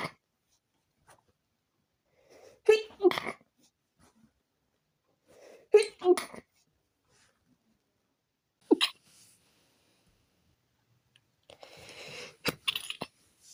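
Three or four sneezes in a quiet room, each a short inhaled build-up and a sharp burst, some as double bursts; sneezing.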